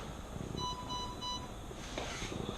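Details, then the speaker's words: Home ventilator alarm on a child with a tracheostomy on long-term ventilation (LTV) arriving at hospital: three short repeated electronic tones over low room noise; attributed to a sensor needing replacement. "sorry mom your ventilator is alarming okay um so i just wanted to stop and check that"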